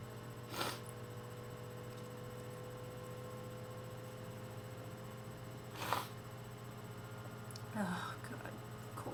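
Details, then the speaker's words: A person with bad allergies and a terrible cold, with very wet sneezes and sniffling, gives two sudden sneezes several seconds apart, then a short breathy vocal sound, over steady room hum. "Bad combination when you have really bad allergies and you sneeze. You sneeze a lot when you have a cold anyways."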